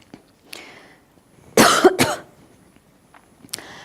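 Two quick, harsh coughs in close succession from an adult, in an otherwise quiet room.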